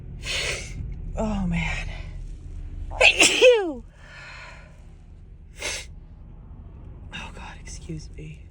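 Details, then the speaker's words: Adult female with dust allergy sneezing in a car: loud sneeze with sharp inward gasp and explosive burst amid breathy sounds and car noise, one of many repeated sneezes; allergic sneezing. "my nose tickles I think sneeze oh oh God these sneezes have been so big oh God excuse me"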